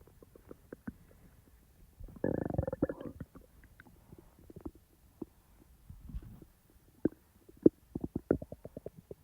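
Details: Person's own real stomach sounds, not recorded in real time: gurgling, bubbly abdominal rumbles with clicks and a longer churning burst; ordinary digestive bowel sounds (borborygmi).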